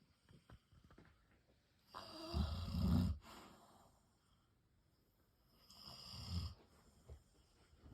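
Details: Loka, a dog, snoring while asleep: two long, rough, rattling snores on the in-breath with quiet pauses between.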